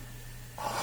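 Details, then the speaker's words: Steady low hum, then sudden rushing, gurgling suction as a catheter is passed deep through an adult man's tracheostomy on a room-air trach mask; difficult airway, thick mucus. "I'm pulling the trach bass back and I'm gently going into the airway and now I'm stuck"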